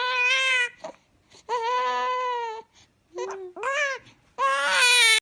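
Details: A 1-week-old newborn boy, said to be scared of his hiccups, cries in sustained, high-pitched repeated bouts with short breaths between them. Infant crying.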